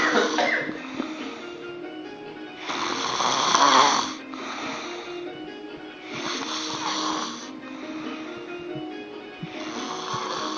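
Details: Stereo recording of a man snoring at work.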